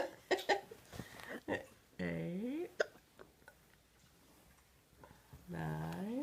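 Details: Young child counting aloud with a few abrupt short catches between sounds, adult talk nearby; hiccups.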